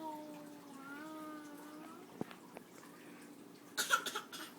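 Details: Imitated cough: a child hums a sustained tone, then gives a few short, forced fake cough bursts in an echoey room.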